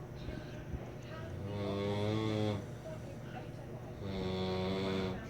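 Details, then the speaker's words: A sleeping man with his arm up gives loud, rough, droning snores on each in-breath, about two in five seconds, some honking in pitch; snoring. "This motherfucker. Sounds like a goat fucking a sheep."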